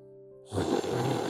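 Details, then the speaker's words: Harsh, rattling, low inspiratory snore after faint steady tones, described as coming from deep in the throat where the tongue blocks the airway. The pattern is linked to snoring worsening after tooth extraction and orthodontic treatment pushed the tongue back: tongue-based obstructive snoring. "혀가 막는 기도의 소리는 아처럼 저 목 깊은 데서 이렇게 답답함이 힘들어, 나 힘들어 죽겠다 하는 그런 아우성을 하는 거죠."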